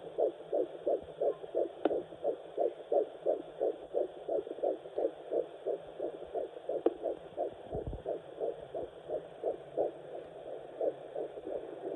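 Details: Fetal heartbeat on Doppler at 9 weeks of a third pregnancy: fast, steady whooshing pulses at about 175 per minute, a normal early fetal heartbeat.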